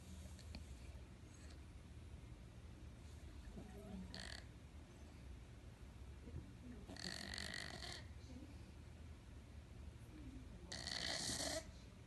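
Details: Snoring from Cookie: three brief, raspy, snorting breath sounds at irregular intervals over low room noise.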